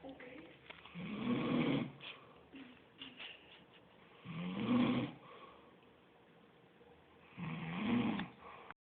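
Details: Sleeping man snoring with rhythmic low rattling snores on each breath, about 19 a minute, with quiet pauses between.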